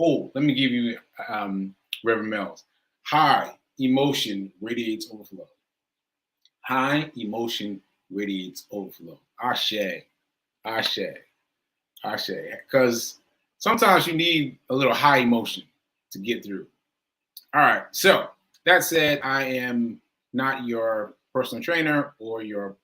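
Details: Aphasia after stroke in an adult male stroke survivor speaking live, with word-finding difficulty.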